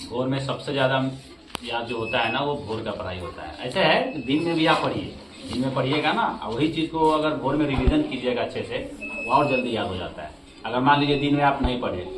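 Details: Adult man speaking Hindi; normal speech.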